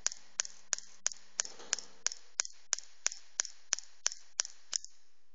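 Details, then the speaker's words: Pneumatic radial shockwave therapy device, LGT-2510B, running a special pulse mode (M1 to M5, fast and slow patterns for patients who cannot tolerate long shots): sharp, evenly spaced clicks, about three per second, each with a faint echo click. "M5 okay okay now we set to the max pressure now only the voice from the applicator the machine you can you can pay attention for the machine the machine is very very silent because we use very powerful uh oil your compressor"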